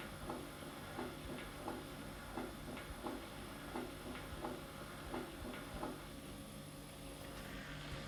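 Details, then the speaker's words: Mitral stenosis, a late sequela of rheumatic fever: regular heart sounds near 85 a minute, with an opening snap after S2 followed by a low diastolic rumble. "often a late and highly specific sequela of rheumatic fever chronic mitral stenosis can result in left auricle dilatation"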